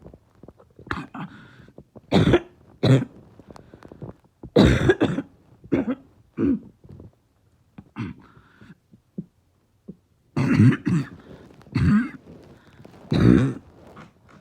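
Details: Adult whose chest is really hurting gives a series of harsh, deep, seal-like barking coughs; barking cough.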